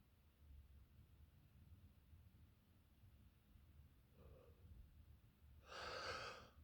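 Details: Person with a cold and intense sneezes: quiet breathing, then a short gasping breath in and a louder, voiced, breathy burst, like the catch of breath before a sneeze.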